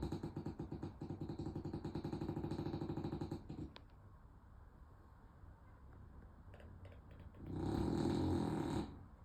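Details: A sleeping French bulldog gives loud, rapidly fluttering, rattling snores with a quiet pause between them.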